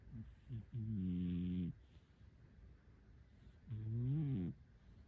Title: Turtle snoring